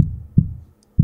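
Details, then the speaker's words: Deep, soft heart thumps in a steady rhythm, about one beat per second, described as a bit slow; a normal heartbeat. "Listen… Do you hear that? This is the sound of a heart beating."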